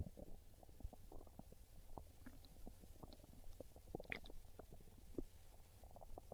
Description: Listen to these real hungry stomach growls as my belly lets everyone know it's craving a delicious slice of pizza.